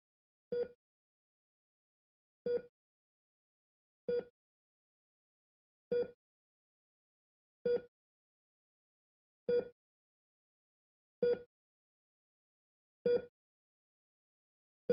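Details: Simulated hospital ECG heart monitor sound effect: short tonal beeps repeat steadily about every 1.8 seconds, roughly 33 per minute, over silence.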